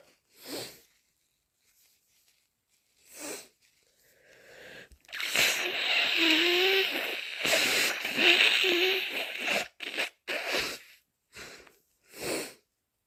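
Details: Several sharp, wet sneezes with sniffs and forceful nose blowing from a person with a cold, sneezes induced with chhinkni (sneezing powder); sneezing.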